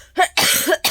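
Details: A quick run of three harsh cough bursts in an adult with a lingering cough of several days, unresolved despite medicine; reports feeling short of breath and ears feeling blocked.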